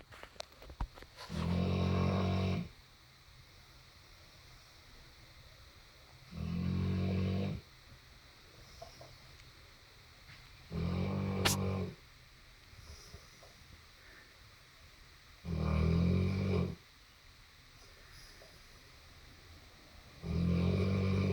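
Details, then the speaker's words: Deep, buzzing snores in steady bursts, about 13 a minute, with quiet gaps between and faint room noise: snoring. "Lola, were you sleep? Were you snoring? Were you snoring? Do you need a CPAP?"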